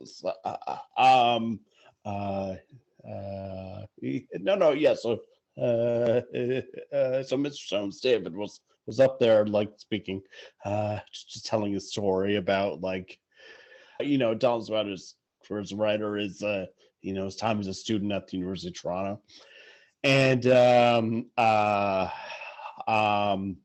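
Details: Adult who has stuttered since about age six, speaking conversationally; stuttering.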